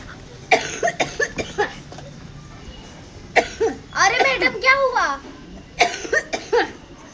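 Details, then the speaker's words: A child's short, acted coughs in two clusters with a brief voiced sound between, in a staged skit about a strong cough: cough. "अरे madam मेरे को बहुत तेज से ना खांसी आ रही है।"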